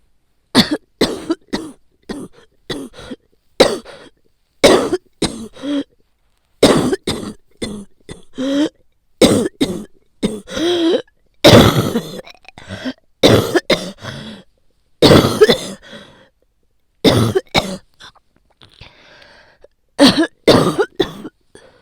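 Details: Person with a common cold, bronchi painful even on inhaling and coughing very painful, taking daily painkillers: repeated forceful, harsh coughs in close bursts; cough due to common cold.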